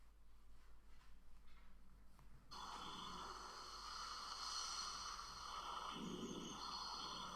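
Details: On lung auscultation of a patient wearing a finger pulse oximeter, low, coarse snoring-like rumbles come with breathing, then a louder steady hiss of background noise: rhonchi.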